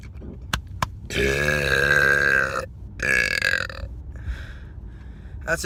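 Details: Two long, loud, voiced belches after brief clicks, with a quieter trailing burp, recorded inside a car with interior noise. Burping.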